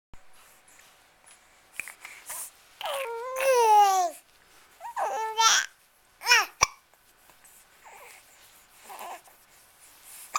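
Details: Baby cooing and babbling with a laugh, then a couple of abrupt, brief catch sounds fitting infant hiccups, against quiet room noise.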